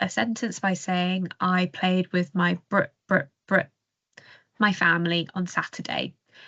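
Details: Acted demonstration by a speech and language therapist of how a child who stammers may repeat a sound on an anticipated word, then substitute a similar word to avoid it; stammering with sound repetition and word substitution.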